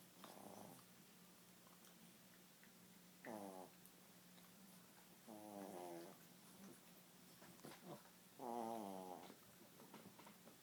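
Three soft, fluttering, rumbling breath sounds a few seconds apart over quiet room noise; snoring in a sleeping dog.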